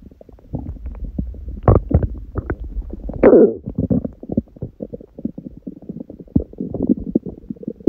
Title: 本日の空腹音♪/My stomach growling